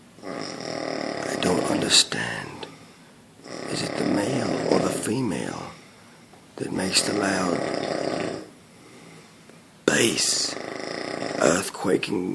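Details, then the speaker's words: Heavy snoring loud enough to be mistaken for an earthquake: deep, rattling snores on each breath, about four in twelve seconds, with short pauses. "I've never seen him in the natural habitat they're called the snore the snoring Beast of Malaysia Cy I have never had one this with so much base in there wow I can see how you can mistake this for an earthquake"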